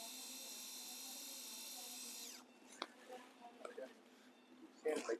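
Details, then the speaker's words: Placing the proximal plate screws during ORIF of a long oblique displaced fourth metacarpal fracture of the right hand: a steady high whine of a surgical power drill boring bone winds down and stops, then soft instrument clinks. "We put two distal screws. Now the last screws I am going to put here in the proximal part."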